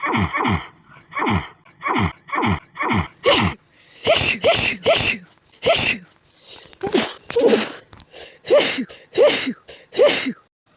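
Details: Can't stop sneezing at bedtime with an itchy, tickly nose all day, suspected allergies: a rapid run of around eighteen short, sharp sneezes in quick succession.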